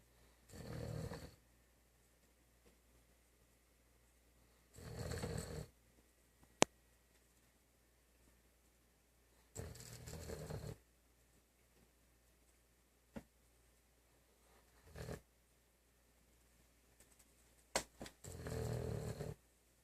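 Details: Slow, regular rasping snores about every four to five seconds from a sleeping German Shepherd dog, with quiet pauses between; ordinary snoring.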